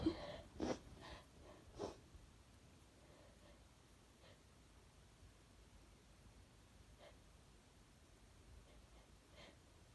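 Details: Female trying to make herself sneeze despite a nose she calls insensitive, nose burning afterward: a few quick, sharp sneeze bursts, then quiet room noise with faint sniffs; sneezing.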